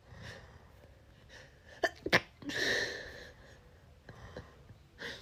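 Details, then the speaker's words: Sneeze from a woman who has already sneezed about 50 times, with another coming; panting and sighs after, in a compilation of sneezing attacks. "Already done 50 sneezes, but there's another one coming."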